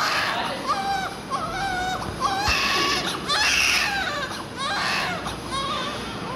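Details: Continuous high-pitched newborn crying in repeated wails with room noise behind, just after a difficult labour birth.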